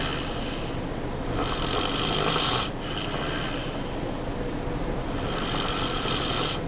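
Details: Loud, harsh rasping snores with rough vibrating breaths over a steady noisy background; heavy snoring, recorded at a friend's house.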